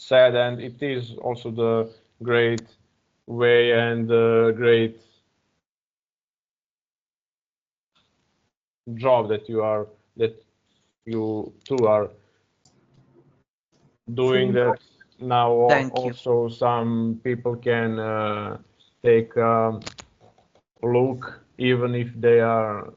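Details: Adult man who stutters, speaking English as a second language, uses a speech technique of focusing on the first or second vowel of a word; heard with hesitations and repeated fillers; stuttering.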